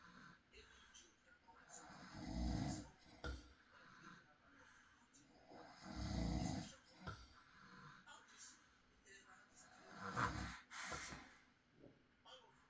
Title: Soft night i recorded my husband snoring • Peaceful Night Sleep Sounds – Real Recording